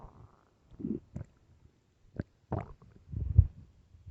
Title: LOUD hungry stomach growls (headphones)